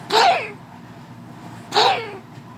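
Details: Cough from Razer, a dog: two abrupt, harsh bursts, each fading quickly, with a short quiet gap between them in a small room.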